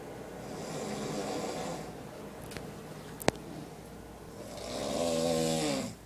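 Two long rattling snores several seconds apart, with a quieter noisy breath and a brief click between them; adult snoring during sleep.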